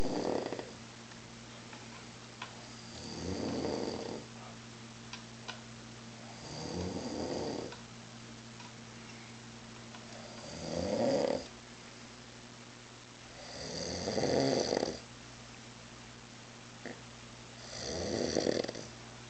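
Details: Adult man, drunk on mezcal, asleep on a couch around 3 a.m.: loud, rough snores about every three and a half seconds, roughly 17 a minute, over a steady room hum; heavy snoring.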